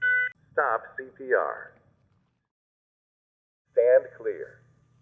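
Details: A tone, then short synthetic voice prompts to attach pads, analyze and shock, over a low buzz, from a ZOLL Zenix monitor/defibrillator in AED mode during an instructional demonstration.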